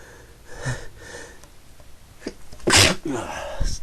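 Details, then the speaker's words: Adult who has been sneezing a lot today: a forceful single sneeze after a short build-up breath, then a quieter exhalation, during a repeated sneezing episode with more sneezes coming. "I'm not done yet I'm to sneeze again excuse me"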